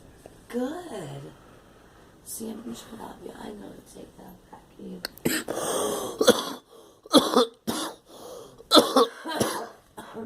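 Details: Girl coughing: a child's voice followed by a run of repeated short coughs and throat-clearing sounds in a small room.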